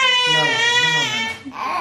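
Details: An infant girl right after her vaccination at the hospital: loud, sustained, high-pitched wailing that breaks off near the end; infant crying.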